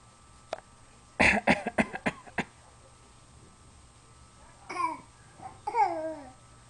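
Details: A young child named in the clip does a quick run of about six short, forced, fake coughs, then brief voiced babbling; voluntary imitated cough.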